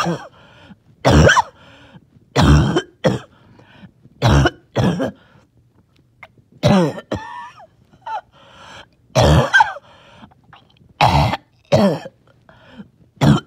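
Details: About a dozen deep, wet coughs in small groups with faint whistling on some breaths; wheezy, phlegmy productive cough.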